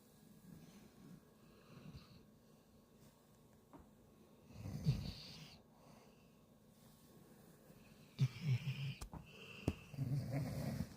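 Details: Female dog sleeping and dreaming, paws twitching, snoring: soft, irregular snuffling snores and snorts with a few louder bursts, heavy breathing, quiet room.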